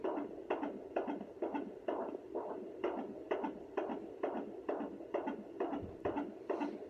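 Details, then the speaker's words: Unassisted weekly at-home pregnancy checkup with a home fetal Doppler on the lower abdomen: rapid, regular whooshing pulses at about 130 a minute, a fetal heartbeat in the normal range. "normally the baby's heartbeat is like around 130 or higher it could be like 130 140 50 you can go all the way up to like 1a me so don't be alarmed if your baby's heartbeat is really really fast that's normal"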